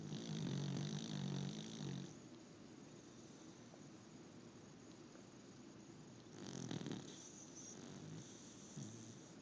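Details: Snoring in a sleeping subject: low rattling snores on the breaths, about three over nine seconds, against steady room noise.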